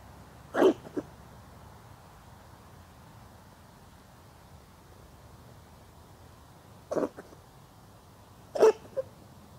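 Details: Stray cat sitting on a lap sneezes three short, sharp times over about ten seconds against a quiet background; the first and last are each followed by a small second burst. Sneezing.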